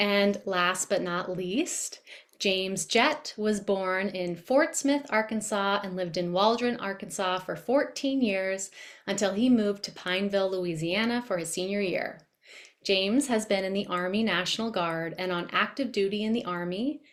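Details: Adult woman speaking; normal fluent speech.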